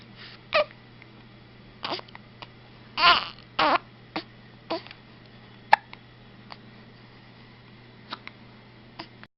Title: has the hiccups.MOV